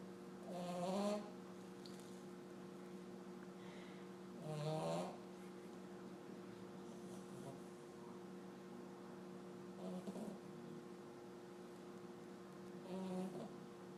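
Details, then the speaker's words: Sleeping hard: regular soft rattling snores on each breath, about 16 a minute, over a steady room hum; ordinary snoring. "somebody a snore somebody likes to snore yeah sleeping hard good night"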